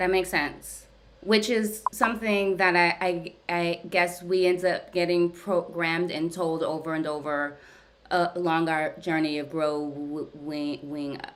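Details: Adult woman who stutters, speaking during a live therapy session; therapy has gradually helped her speech over time; stuttering.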